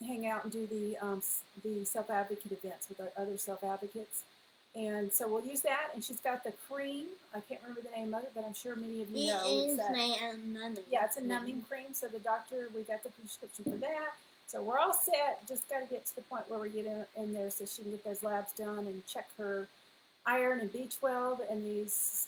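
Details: Adult woman speaking; ordinary speech.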